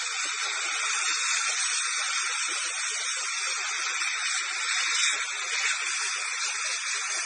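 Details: Air-polishing (Airflow) stain removal from teeth, done after dental scaling: a steady loud hiss of pressurized air and water spray from the air-polishing device.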